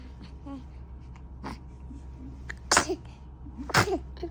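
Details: Baby sneezing twice about a second apart, each quick sharp sneeze followed by a small fussy whimper as if about to cry; ordinary infant sneezing.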